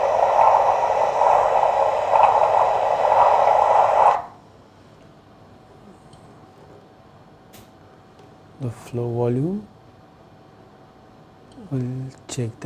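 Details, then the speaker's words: Doppler ultrasound of an arteriovenous fistula: outflow vein receiving flow with peak systolic velocity around 120, before the main fistula body about five centimeters from the anastomosis. "yes this vein is also getting flow of around 120 peak systolic velocity"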